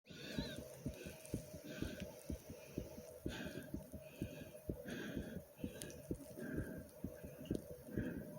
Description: In This Video you get to hear my heart beating fast with my breathing like comment subscribe and enjoy ❤❤ #heartbeat #sound #subscribe